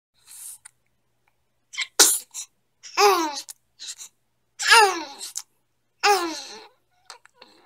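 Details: Baby sneezing: a burst of small, sharp sneezes, with brief high-pitched cries or vocal sounds between them; ordinary infant sneezing.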